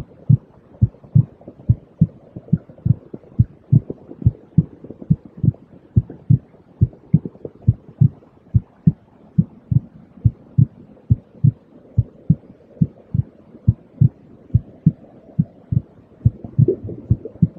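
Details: Heartbeat in a white-noise track: steady, regular paired low thumps around 70 a minute over a soft hiss. It is a 5-minute soothing track for babies, children and adults, meant to aid sleep, relaxation and tinnitus.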